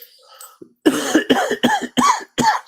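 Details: Adult coughing during a live stream, followed by "excuse me": a brief soft sound, then a run of five harsh, explosive coughs in quick succession.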